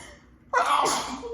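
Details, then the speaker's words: Woman in a sudden allergy sneezing fit, apologising for big sneezes: one abrupt sneeze after a quiet in-breath, part of a repeated sneezing bout. "oh sorry i keep having these big sneezes i can't help it"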